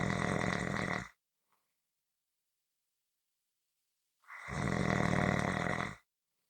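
Loud, rough, rattling snores on breathing in, separated by a long silent pause; ordinary heavy snoring.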